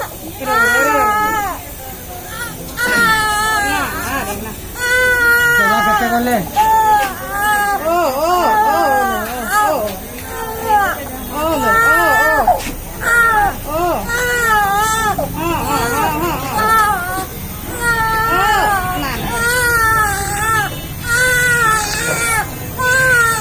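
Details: A baby with a cough cries in repeated loud, wavering bursts with brief pauses for breath between them; infant crying.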